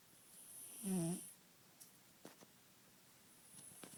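One low, rattly snore on a breath, followed by soft breathing and faint clicks in a quiet room; a kitten snoring.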